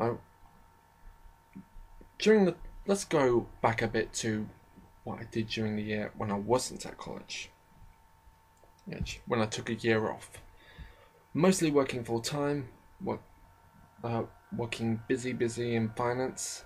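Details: Speaker with a self-described slight stammering problem who often stammers or pauses, only partly edited out; stuttering.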